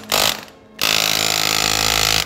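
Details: Surgical power tool preparing the femur during total hip replacement in a 42-year-old man with congenital hip dysplasia: brief burst, short pause, then loud continuous high-pitched rattling whine.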